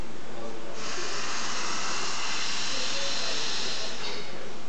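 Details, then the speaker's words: Loud rushing hiss of air leaking around a size 4 i-gel supraglottic airway during ventilation of a TruCorp manikin, leaking at relatively low airway pressure compared with a sealed tube. "so again i ask you to observe the pressure so we are getting leaking at a relatively low pressure as compared to a tunic"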